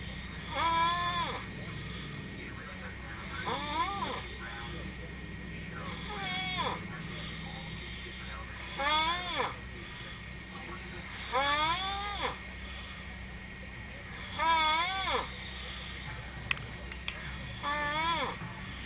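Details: Person snoring in a bunk right after falling asleep following a mud festival, making creepy, weird sounds: regular wavering snores, about 20 a minute, over steady background noise; snoring.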